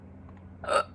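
A single short, abrupt hiccup sound against quiet background hum.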